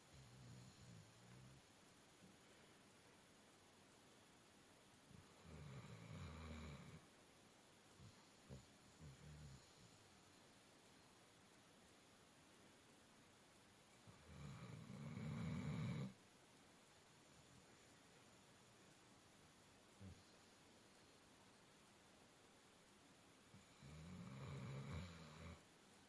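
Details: A worn-out sleeping dog lying on a bed snores like an old man in low, rumbling bursts about every nine seconds, with quiet breathing between.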